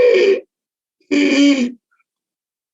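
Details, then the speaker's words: Stridor: strained, high-pitched, harsh inspiratory sound from restricted airflow through the larynx, distinct from snoring. "stridor is a strained high-pitched harsh inspiratory sound different from snoring"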